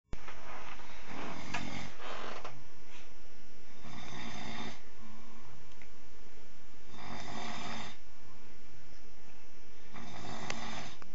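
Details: Loud, rough snores about every three seconds, around 20 a minute, over steady background noise; ordinary snoring in a sleeping man just before being woken with a shout of fire.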